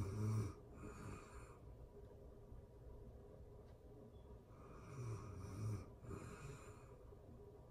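Soft, irregular snoring breaths with low rattling noise during sleep; faint steady room hum behind.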